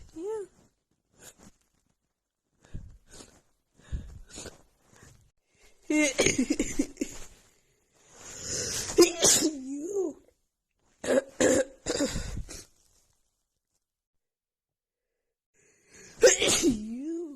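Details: Rapid sneezing attack from seasonal allergies flaring just before spring, recorded in the morning: a run of sharp sneezes with catch breaths and short gaps.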